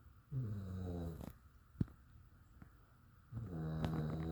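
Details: Snoring: low buzzing, vibrating breath sounds separated by quiet pauses, about 19 breaths a minute.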